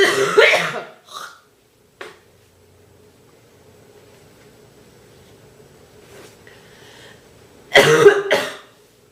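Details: Girl with a bad cold, real and natural coughing: harsh, forceful, deep and painful coughs in short bursts, a quiet gap, then another pair of hard coughs; repeated coughing fits.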